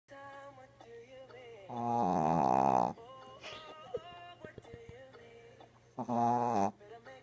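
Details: Pug snoring while asleep after a long, hard day of playing fetch: two loud, buzzing, throaty snores, with soft music playing in the background.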